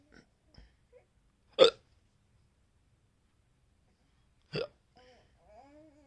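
Two sharp, brief hiccup sounds about three seconds apart, with faint voice sounds between them.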